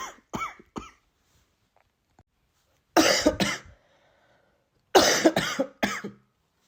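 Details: About eight short, forceful coughs in three clusters during a common cold, the cough lasting a few days.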